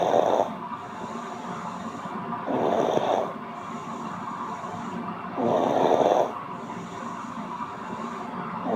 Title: snoring (audio only)